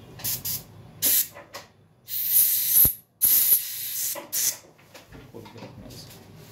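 Repeated hissing bursts of air and water spray, short and longer, with faint clinic noise: a dental air-water syringe during root canal treatment.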